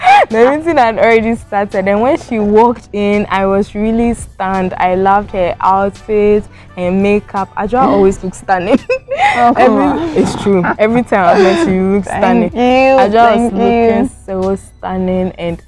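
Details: Adult woman speaking; normal speech.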